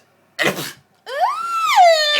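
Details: An adult sneezes toward the phone while talking outdoors in the snow: a single explosive sneeze burst followed by a rising, drawn-out vocal cry or exclamation.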